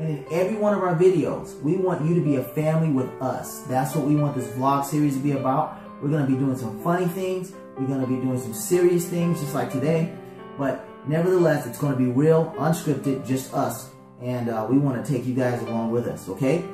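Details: Adult speaker; ordinary speech.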